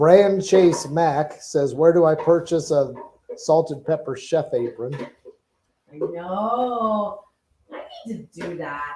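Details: Adult speaker; normal voice.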